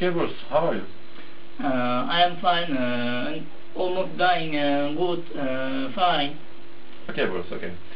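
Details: Adult male speaker; Wernicke's aphasia.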